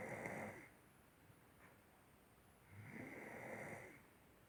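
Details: Sleeping child gives two rough, raspy snores about two and a half seconds apart, with quiet pauses between.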